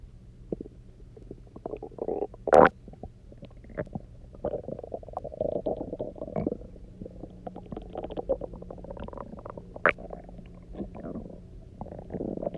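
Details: Borborygmi: resonant, gurgly stomach growling after about 24 hours of near fasting, recorded after drinking lots of water and lying on one side.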